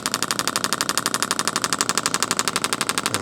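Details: Rapid, very regular mechanical clacking pulses, about four per second. They come from a radial shockwave therapy handpiece with a red tip, in radial pulse mode with comfort mode off, used over a deltoid trigger point for shoulder pain.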